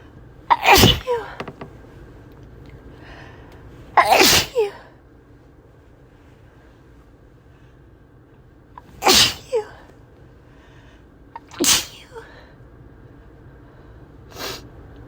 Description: Imagine being stuck in the car with me while I am sneezing uncontrollably like this…